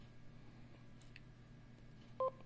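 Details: Faint clicks over low room hum, then one short two-tone electronic beep from a button press on a Huntleigh vascular Doppler while changing its battery setting from non-rechargeable to rechargeable.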